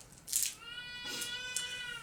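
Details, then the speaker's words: A fussy baby boy who is supposed to be napping cries faintly in the background: a high-pitched, wailing infant cry. "And I apologize if you can hear the baby crying. He's supposed to be taking a nap, and sometimes he doesn't want to take a nap, and so he's kind of fussy."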